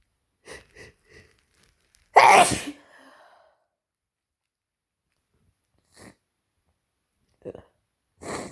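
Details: Person with a cold and a sore throat from repeated sneezing: a loud explosive sneeze after brief sharp intakes, followed by quieter sniffs and breaths; repeated sneezing with a cold.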